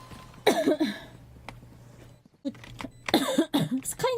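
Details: A young woman gives a few short coughs with throat clearing and brief talk between them, while live-streaming a game.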